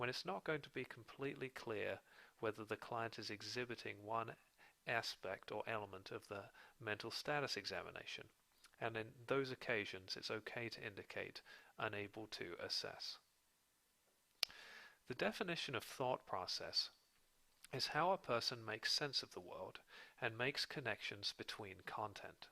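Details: Adult male narrator; typical speech.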